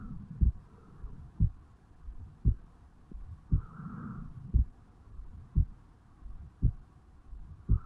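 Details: Own heartbeat of a 35-year-old man recorded at the mitral (bicuspid) valve area on waking in the morning: steady slow heartbeat at about 57 a minute, soft thuds with faint background hum; heart sounds.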